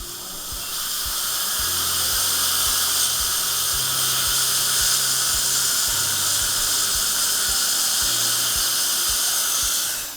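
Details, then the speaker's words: Adjusting occlusion on flowable composite fillings on teeth #14 and #15 of a 52-year-old patient: steady high-pitched whine of a dental handpiece with light water spray. "now it's time to polish just use your favorite polishing system and you will find that you get a beautiful gloss on this restoration"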